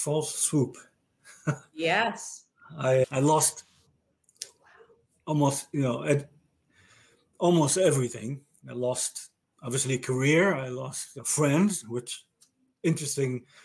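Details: Male stroke survivor with aphasia diagnosed after a stroke about 30 years ago; aphasia.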